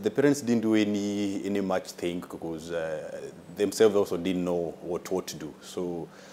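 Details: Adult man with a stammer described by a consultant as mild, involving delays on some words and worsening when nervous; finding: stuttering (mild).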